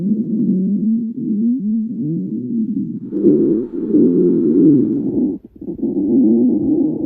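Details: Continuous low, gurgling rumbles with sliding, whine-like pitch changes and brief pauses; stomach growling (borborygmi).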